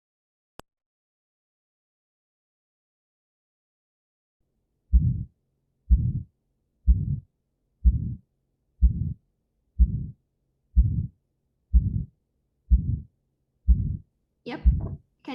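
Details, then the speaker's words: Regular heartbeat near 62 a minute with a harsh crescendo-decrescendo mid-systolic ejection murmur after the first heart sound, from aortic stenosis. "so in this case we heard the first hot sun is there is something like a murmur here which becomes louder and then less loud again it's called a systolic ejection mark"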